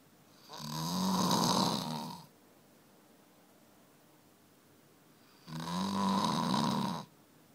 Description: Snoring for many secs in the night